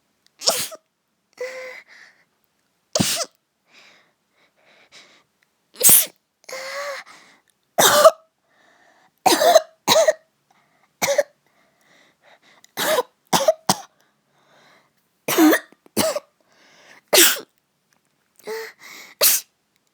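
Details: Acted, simulated cold sneezes in a cute anime-girl voice: a series of about a dozen short, breathy sneeze-like bursts; sneezing.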